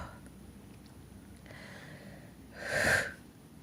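Quiet sniffs and an inward breath, then a single short, muffled sneeze.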